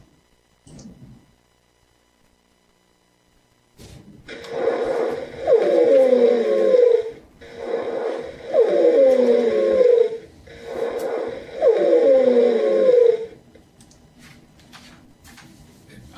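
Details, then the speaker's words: Wheezing in an exaggerated teaching example from a patient-assessment presentation: three breaths, each with a loud, musical, falling whistle over breath noise. "sounds like wheezing but if it is yes these are just some examples of what it sounds like and they're really over exaggerated"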